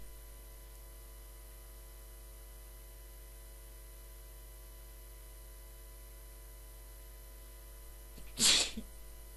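Steady room hum, then one sharp explosive burst near the end: a single sneeze.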